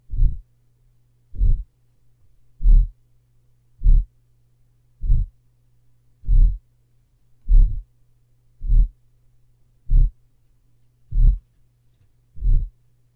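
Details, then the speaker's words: Aortic stenosis murmur, recording played in slow motion: long, rough, loud systolic noises following each first heart sound (S1), heard while the aortic valve is open during systole. "therefore they will have a systolic murmur that I will also hear on s1 so I have a listen so you'll hear that these murmurs are usually pretty loud you can't pretty easy so this is kind of put it in slow-mo so you can hear it a little bit easier"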